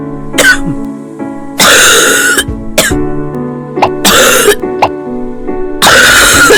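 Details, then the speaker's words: A child's repeated wet, noisy coughs, with rattling sounds even while breathing, over background music; a pediatric cough possibly due to bronchitis. "Si su hijo tiene una tos húmeda y ruidosa, Con ruidos de traqueteo incluso mientras respira, Entonces puede"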